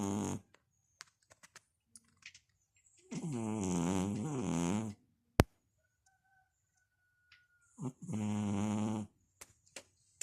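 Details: Cat snoring.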